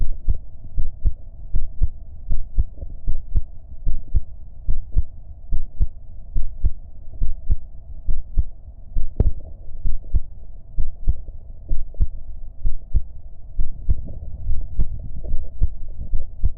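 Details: Self-recorded heartbeat during a short breath-hold: steady low heart thumps at about 73 a minute over a constant low hum; normal heart sounds.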